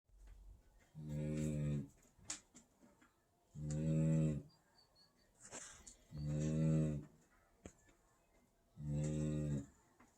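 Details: Regular low, buzzing snores from a sleeping Great Dane puppy, about 23 a minute, with quiet breathing between them.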